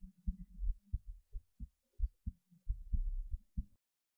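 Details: Strong, quick low double thumps with clear gaps, recorded right after standing on the head; fast but normal heartbeat.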